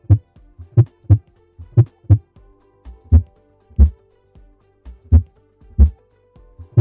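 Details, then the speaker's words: Heart sounds measured by the SonR hemodynamic sensor in the tip of an atrial lead of a CRT system recording cardiac muscle vibrations: deep paired thumps about 60 a minute with faint tonal hum behind. "the sensor measures the patient's cardiac muscle vibrations reflecting the heart sounds"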